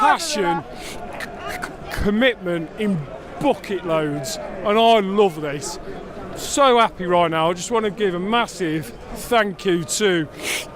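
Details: Adult male who stammers, unscripted speech in a football fan-cam interview, with his fluency technique abandoned; many blocks and clearly overt stammering; stuttering.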